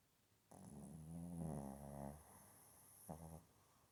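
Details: Shih Tzu sleeping with tongue out, snoring: soft rattling, growl-like snores on the breath, one long and one short, with a faint high whine in the background.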